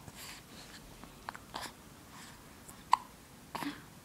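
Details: Little one with hiccups: a few brief, abrupt gulping clicks at irregular intervals over a quiet room background.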